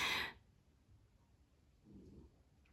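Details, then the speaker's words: French bulldog snoring in the background of a spoken recording; snoring. "alors si vous entendez ronfler c'est rio ont boulder français donc je suis désolé mais vous savez ce genre de chien ruf beaucoup"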